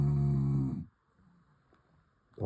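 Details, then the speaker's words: Sleeping subject whose snoring keeps others awake, one loud, low, rumbling snore stopping abruptly, then quiet until the next breath; snoring. "[Music] this is why we never get to sleep"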